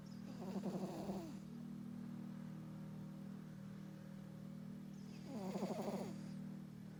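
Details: Two brief, fluttering, rattly snores about five seconds apart over a steady background hum, likened to a grandpa; ordinary snoring.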